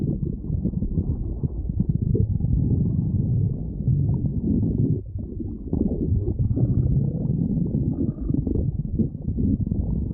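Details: Stomach growling: continuous low gurgling and rumbling from the abdomen, from gas and fluid moving in the gut (borborygmi).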